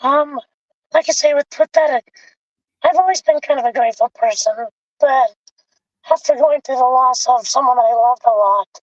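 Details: Adult man with vocal cord paralysis from a severe injury (lungs three-quarters full of blood); tracheostomy removed after 2 months; scope later still showed paralysed cords; over 25 years since onset.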